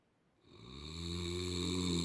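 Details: One loud, rising, rattling snore building over two seconds; loud snoring.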